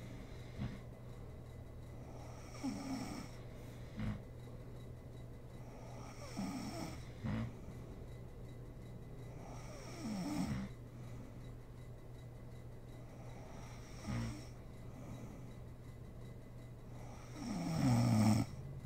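Soft rattling snores roughly every three to four seconds, about 16 a minute, over a steady low hum: snoring during sleep.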